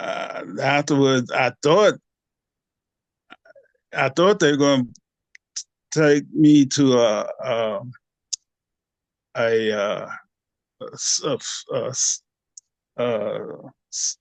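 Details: 67-year-old man with post-stroke aphasia for 9 years after two strokes (2015, 2016): he could not talk at first, needed 3 weeks to say a name and had speech therapy; repeats 'a, a' while word-searching; aphasia (word-finding difficulty).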